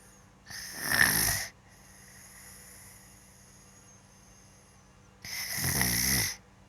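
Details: A child sleeping, recorded by his father: two loud, rattling snores on inhaling, about five seconds apart, with quiet exhaling between and a faint steady room hum.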